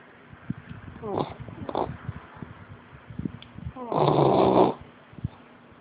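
Loud, rough snorting snores with rattling breaths from a sleeping dog, in a quiet room.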